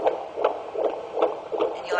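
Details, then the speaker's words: Fetal heart rate acceleration heard during a pregnant abdominal assessment; baseline 140–146 bpm rising to 162 bpm while prompting fetal movement, fast regular whooshing beats, a reassuring sign of fetal well-being. "actually hear the heart rate accelerate this Baby's Gone up to 162 so that's a good sign that the baby is doing doing well in there"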